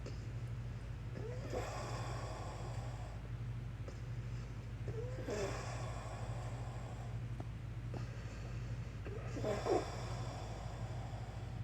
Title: Akodo wheezing and trouble breathing in am